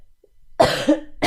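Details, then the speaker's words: Girl, who says she can't sing because she coughs: one strong cough burst, then a quieter second cough and the start of another at the end; cough. "I can't sing because I cough."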